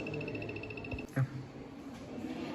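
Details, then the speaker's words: Pulsing motor whine, then a soft thump, as a low-cost Arduino Nano-controlled prototype ventilator's motor squeezes an Ambu bag delivering air through a mask worn by a student volunteer; ventilator motor operating. "ambu bag pushes and pulls, that is constrains and expands, the air is pushed into the patient."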